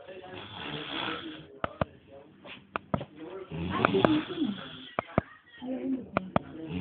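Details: Acted imitation of snoring from a comedy show (El Chavo): loud, rough snorting breaths in long bursts broken by sharp clicks.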